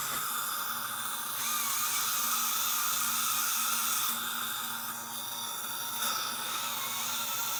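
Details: Dental assistant training demonstration of clinical polishing of lingual surfaces with mirror: slow-speed handpiece with light intermittent swipes, one to three seconds per tooth; steady high motor whine with brief pitch shifts between teeth.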